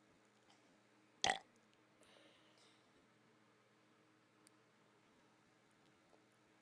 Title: Burping with mouth closed